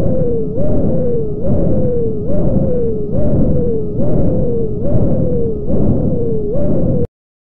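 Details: Dialysis arteriovenous access heard with a stethoscope: pulsing, high-pitched whistling whoosh at about 70 a minute, its pitch rising with each beat, a bruit with outflow stenosis.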